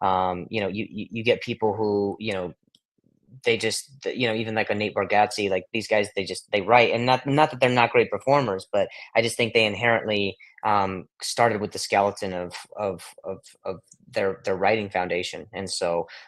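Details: Adult male with a long-standing real stutter, repetitions such as 'of of of of' in conversational speech; stuttering.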